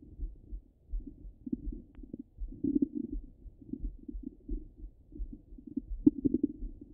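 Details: Stomach rumbling heard over the belly: continuous low gurgling and bubbling rumbles in irregular bursts; ordinary active bowel sounds.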